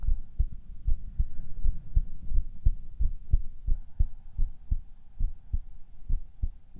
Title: 【男子ASMR】ささやきと心音 hispers and heart sounds